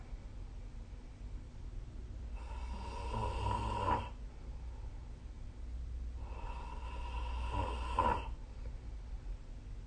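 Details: Sleeping person snoring: two loud, rattling, buzzy snores on breathing in, about four seconds apart (roughly 15 breaths a minute), with quiet breathing between.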